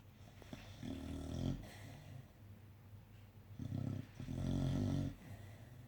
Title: Snoring Monty Staffy recovering from anesthetic